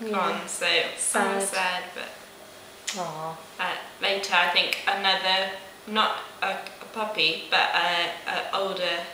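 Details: Broca's aphasia in a 19-year-old woman about 16 months after a stroke at age 18, with persisting difficulty with speech, numbers, reading and writing; receiving weekly speech therapy.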